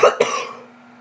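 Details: A short two-part cough from a young person who says they are sick, after recent vomiting: a sharp burst, then a second one that fades quickly.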